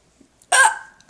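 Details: A single sharp, voiced hiccup with a brief gulping catch, part of an ongoing bout of hiccups after eating Chinese food, with gagging feeling.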